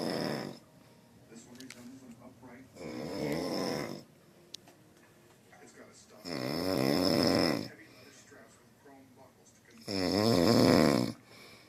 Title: Rhino snore